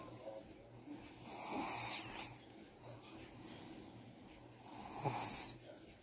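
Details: Light snoring from a sleeping puppy: two soft, rough breathing noises with a hissy, snorting quality over faint room noise.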